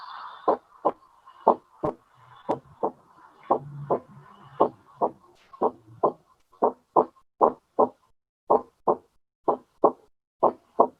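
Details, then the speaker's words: Physiology class recording of normal heart sounds at an auscultation focus, with a phonocardiogram showing S1 of greater amplitude than S2: regular paired lub-dub, about 100 a minute, first sound louder, short and long pauses. "entonces vean como aquí dice foco ave y en el fondo cardiograma el sonido uno tiene una mayor amplitud que el sonido 2 por lo que ya habíamos comentado"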